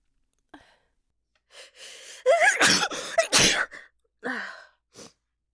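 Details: Woman's hitching, voiced build-up breaths with false starts, then two loud, explosive sneezes followed by softer exhalations; a sneezing fit.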